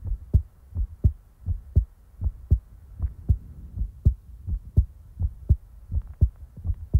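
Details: Real-time heartbeat ASMR recording: steady paired heartbeat thumps in an even rhythm at about 80 beats a minute; a normal heartbeat.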